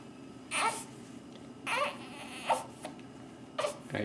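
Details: Baby girl fussing in her bouncy seat while she has hiccups, before a soiled nappy: short, repeated bursts of infant crying and fussing with pauses between in a quiet room; ordinary infant cry.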